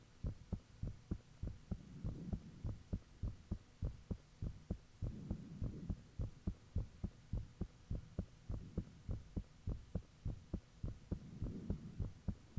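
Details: Self-recorded heartbeat with fan off, taken shortly after the heart began feeling unusually thumpy: strong, steady thumping about 100 a minute with faint whooshing between beats over an electrical hum; valve and blood-rushing sounds reportedly audible.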